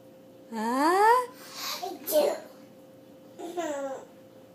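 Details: Child sneezing while another person laughs: vocalizing with a short, hissy sneeze burst in the middle, then more babbling; an ordinary sneeze.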